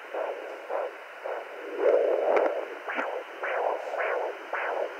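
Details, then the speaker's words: Adult woman's own heartbeat on a handheld fetal Doppler while unsure if pregnant, possibly about four weeks: regular whooshing pulses at about 100–105 beats a minute, maternal heartbeat rather than fetal. "see here's my heartbeat"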